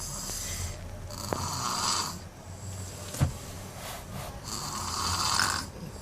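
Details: Baby snoring: soft rhythmic snores with noisy breaths, about three over six seconds, with a few small snorts; faint room noise.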